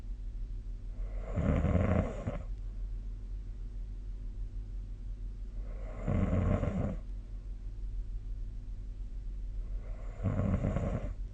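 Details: Snoring during sleep, a nightly recording made 2025/03/02 with the SnoreLab snoring app.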